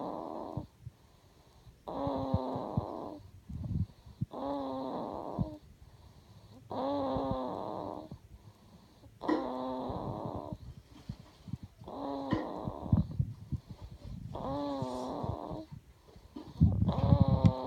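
Repeated rough, rattly snores on each breath, about eight over the stretch, with quiet pauses between; infant snoring.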